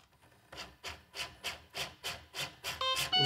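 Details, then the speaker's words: Corpuls cpr mechanical CPR device switched on and started with its therapy button, delivering rhythmic automated chest compressions as mechanical whooshing strokes at about 110 a minute, ending with device beeps. "El corpuls cpr se puede encender debajo del brazo. Empiezo la terapia presionando este botón aquí"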